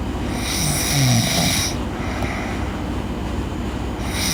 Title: Girl Sleep Snoring